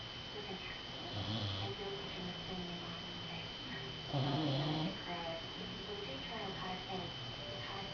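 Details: Rescued dog, a cancer survivor, snoring "like an old man" while asleep after a hard day of playing: rough, rattling snores on each breath, louder in bursts, with a steady high whine in the background.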